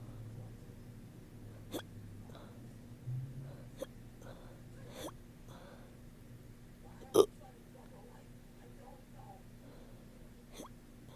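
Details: A person who woke up with hiccups: about six short, sharp throat catches over eleven seconds in a quiet room, some burp-like (hiccup burps).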